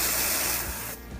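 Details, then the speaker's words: About one second of aerosol hiss: cold spray used as the only anesthetic, no lidocaine, before a quick incision to drain a paronychia infection at the side of the nail (not an ingrown nail). "we're not gonna use any lidocaine or anesthetic except for our cold spray we're gonna make a quick incision so"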